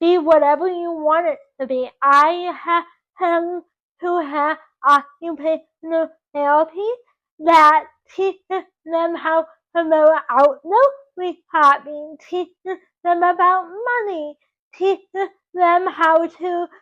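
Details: 24-year-old woman with dysarthric speech from cerebral palsy caused by oxygen loss to the brain at birth; doctors predicted she would never talk.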